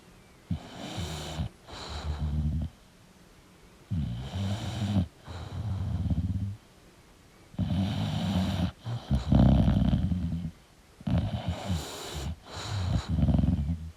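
Loud, rough, low-pitched snores on each breath with quiet gaps between them, about 17 breaths a minute; snoring in a sleeping dog.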